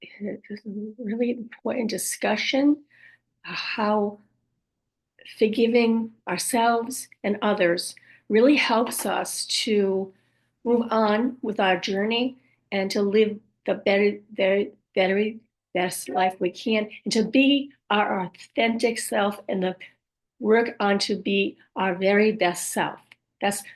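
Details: Woman with aphasia and apraxia of speech after a stroke at age 58; she reports speech sometimes hard to understand, repeating words over and over to get them out and sometimes saying wrong words; aphasia with apraxia of speech.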